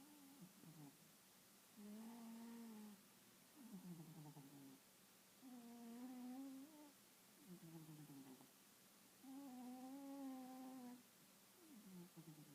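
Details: Snoring during sweet cuddles: alternating in-and-out snoring breaths with a tonal, humming quality, about 15 a minute, in a quiet room.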